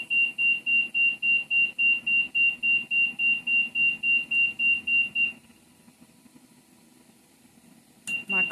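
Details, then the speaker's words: Rapid repeating high-pitched beeps, about 3–4 per second, stopping then briefly resuming: ventilator alarm during high-frequency oscillatory ventilation (HFOV) setup, with alarm limits set around a mean airway pressure of 10. "colleague is setting those alarms so that we don't hear that during our setup so be advised IED you can set your max mean airway pressure to above and set the lower pressure three below"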